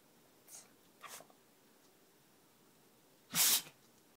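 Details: Beagle sneezing: two soft snuffling breaths, then one sharp, explosive sneeze in a quiet room.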